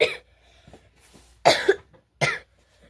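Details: Three separate coughs from a school-age child who has the flu, each a short harsh burst with quiet breathing between them.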